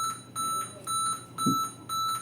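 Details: Servo SV300 ventilator during preventive maintenance setup (SIMV, pressure control, oxygen 21%, adult mode): repeated electronic alarm tones in a quiet room.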